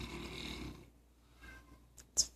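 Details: A deeply asleep pet, Apollo, snores loudly with a rough fluttering snore and then quiet breathing, recorded zoomed in from across the living room; he did not wake when talked about.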